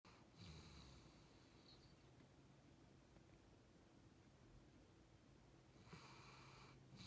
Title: Sleeping snoring dog